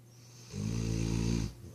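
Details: One deep, buzzing inspiratory snore lasting about a second from Rosie, a sleeping mastiff dog, recorded at 2 am; snoring.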